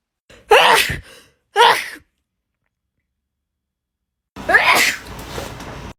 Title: TikTok Sneezing 45